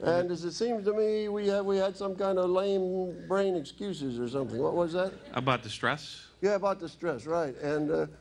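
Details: Woman using an electrolarynx, a battery-powered device held against the throat, after laryngectomy followed by radiation and chemotherapy; electrolarynx speech after laryngectomy.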